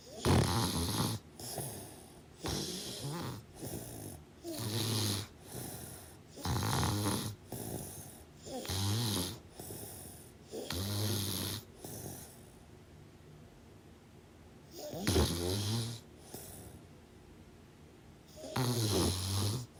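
Rough, rattling snores on each breath, about 14 a minute, with some quieter gaps; ordinary snoring during sleep.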